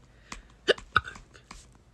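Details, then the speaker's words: Recurrent hiccups, fourth episode of the day, in a young person whose doctor said they'd resolve after puberty; two sharp, abrupt gulping catches within about a second, faint room noise. "you know this is the fourth time I've had hiccups today and I'm crying about it because but it's not that fun"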